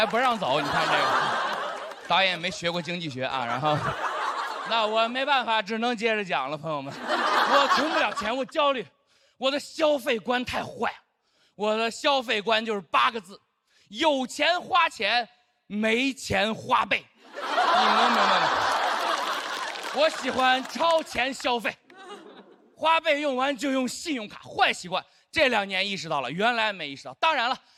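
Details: Adult stand-up performer; normal speech.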